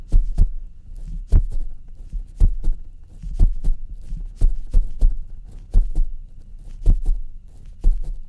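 Steady paired lub-dub heart sounds through a stethoscope, about 55 to 60 beats a minute, in a roleplay exam.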